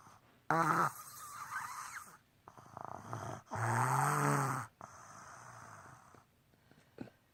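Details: Four-year-old girl snoring during sleep: loud, rattling breaths in and out with a harsh buzzing on the inward breath; heavy snoring.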